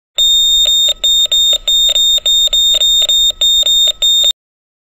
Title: heart monitor